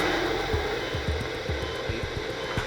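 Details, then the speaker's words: Crackling static with irregular low pops and thumps: amplified brain-cell activity from three microelectrodes advanced toward an overactive hypothalamic subnucleus in a man during brain surgery. "As the sensors go deeper, they sense brain activity. Stimulation. This is the noise of the brain."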